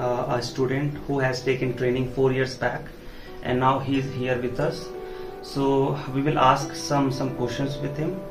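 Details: Adult male speaker; typical speech.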